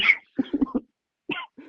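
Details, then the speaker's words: An adult gives a quick run of short, harsh coughs in a small room while recording a podcast. "This coughing is just going to poison this audio forever, but it is w"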